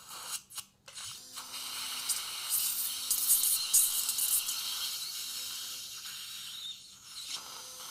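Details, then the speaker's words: Surgical straight handpiece with about 1–1.2 mm drill cutting very cortical bone of the resorbed lower right posterior mandible, at a failed implant site, during vertical ridge augmentation with TR-PTFE membrane; high-pitched whirring and grinding, faint background music. "so here's my straight hand piece about a 1 mm drill 1.2 very cortical surface so careful here"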